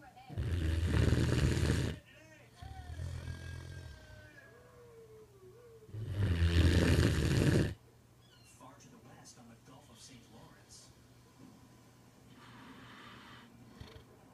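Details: A puppy asleep after a full day of play, snoring: two long, loud, rattling snores on the in-breath about four seconds apart, with quiet breathing between.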